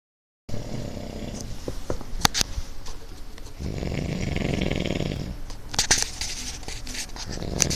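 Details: Woman snoring while asleep on a living room couch, recorded May 25, 2016: a long, rough breath with a rattling snoring quality, plus clicks and handling noise.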